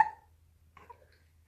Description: She hates having the hiccups, unless she's distracted. Lol